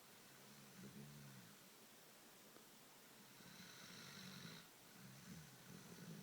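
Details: Sleeping Dogo Canario snoring: repeated low, rattling snores from a large dog, about three in six seconds, over steady room hiss.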